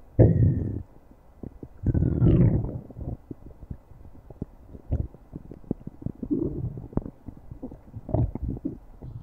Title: stomach growling